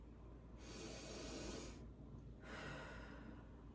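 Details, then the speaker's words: Stethoscope respiratory assessment: bronchovesicular sounds over the upper chest and vesicular sounds lower down and under the armpit, all clear with no added sounds: normal deep breathing. "okay so I heard all normal lung sounds very clear up here I heard Branko vesicular and then down here miss secular as well as underneath the armpit vesicular and those are all normal lung sounds"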